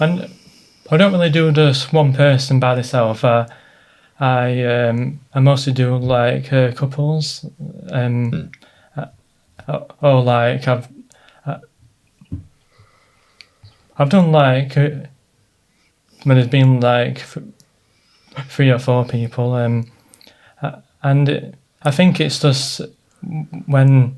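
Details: Adult man with a stammer since childhood; stuttering (stammer).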